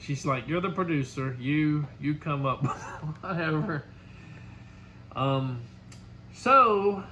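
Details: Adult speaker; ordinary speech.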